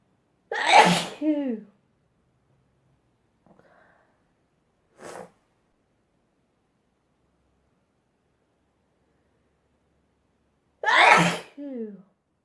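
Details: Two loud voiced sneezes with a trailing 'choo', a faint breath and a short snort between them, from a compilation of ordinary sneezing.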